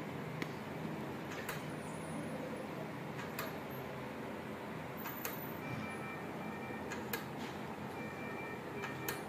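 Steady motor whir with scattered clicks and faint short tones as a monitor's blood pressure cuff pressurises.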